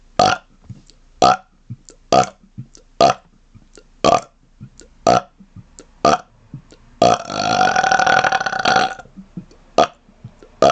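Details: Rapid-fire burping: a run of about ten short, loud burps roughly one a second, then one long drawn-out belch and a few more short ones; burping.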